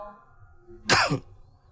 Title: coughing and sneezing I got a cold